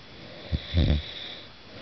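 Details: A single soft, low snore over a brief inhaled snort, faint background hiss, recorded in the dark from a husband; snoring.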